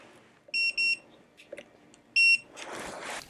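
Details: Dental X-ray unit exposure signal while radiographing the wisdom tooth and molar area on a returning patient who holds a deep breath; two short high beeps, then a longer one, followed by rustling.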